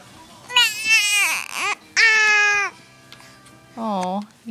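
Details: Infant girl crying, frustrated by her hiccups: loud, tonal, fussy cries in short bursts with breaks, over soft background music.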